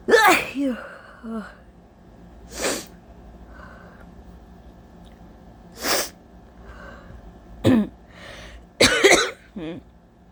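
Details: Allergy sneezing and coughing on a very hot day: a run of about five sharp sneezes and coughs over ten seconds, with breaths between them.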